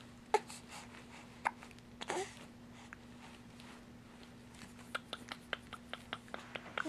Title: Hiccups July 9